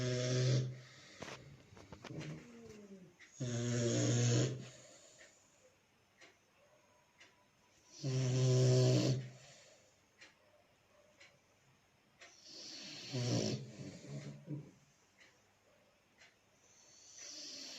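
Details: Nose snoring: slow, loud, rumbling snores about every four to five seconds, roughly 13 a minute, with quiet breathing between them.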